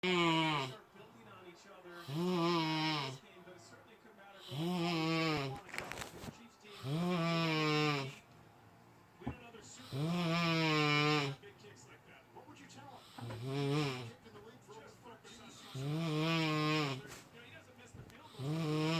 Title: This ninja be snoring